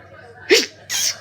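A quick inward gasp followed by a sharp, forceful sneeze burst; a single sneeze with hay fever.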